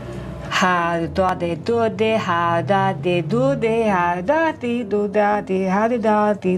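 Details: Adult woman, lifelong UK resident and English-only speaker, attempting to sing; rhythm and intonation altered, equal stress on every syllable, words unintelligible; foreign accent syndrome.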